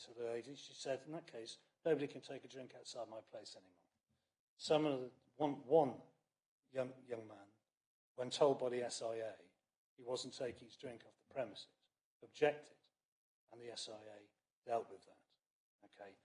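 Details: Adult man speaking; Normal voice.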